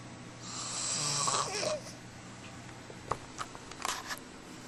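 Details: Snoring in a sleeper: one long, rough snoring breath followed by short snorts and clicks, over faint room noise.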